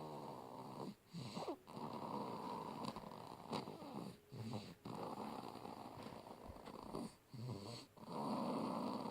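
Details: Infant twin girl asleep: loud, rattling snoring noise runs almost continuously, broken by brief pauses; heavy snoring in a baby.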